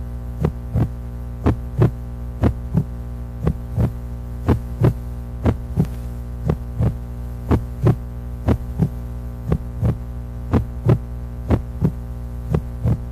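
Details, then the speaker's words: Heartbeat sound played at an event: steady, regular paired heart thumps at about 59 beats a minute over a constant electrical hum. "so that was bad timing um obviously you heard the sound it was supposed to go off in just a second because that's the sound of your heartbeat"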